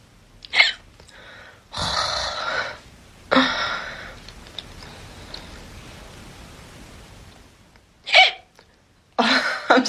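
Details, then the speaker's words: Person with annoying hiccups in a quiet room: several short, sharp bursts with quiet gaps between, about five in ten seconds; hiccups. "sorry about my hiccups, by the way. They are so annoying."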